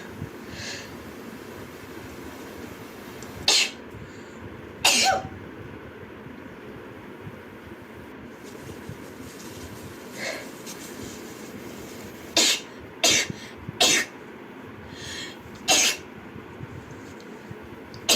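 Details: Rapid run of about seven loud, sharp explosive sneezes with softer ones between, over low background noise; repeated sneezing.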